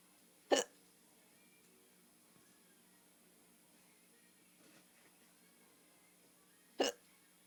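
Two sharp, sudden hiccups about six seconds apart in a quiet room with faint background hum.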